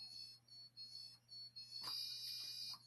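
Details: Dolphin Neurostim microcurrent device during scar release therapy, counting ten along the scar on a patient with skin contact: high, thin electronic beeps repeating at a steady pace, with faint room noise.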